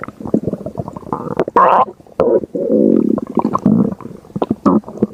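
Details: Loud, long rumbling and gurgling from the belly: ordinary stomach growling (borborygmi).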